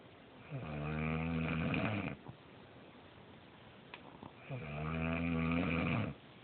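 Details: Adult woman (wife) snoring: two long, low, rumbling vibrating sounds on breathing in, separated by a quiet pause; typical snoring.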